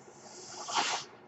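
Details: Mechanical ventilator sound: a soft airy hiss swells and fades over about a second as the ventilator delivers a breath, heard behind the speaker, who says it is his ventilator.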